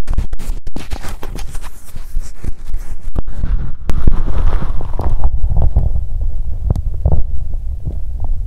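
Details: Bowel sounds from an adult woman's abdomen on day 2 of her period, during cramping abdominal pain on one side, with the belly audibly rumbling.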